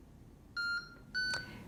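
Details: Medtronic Capnography 35 portable capnography monitor entering standby mode: two short, clear electronic beeps, a normal device tone.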